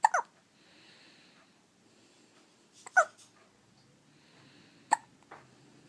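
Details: Infant daughter hiccuping in a quiet room: three short, sharp catching sounds about two seconds apart; hiccups.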